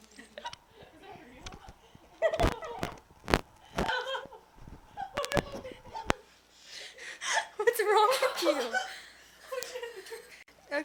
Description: having a hiccup attack, legit they were unstoppable.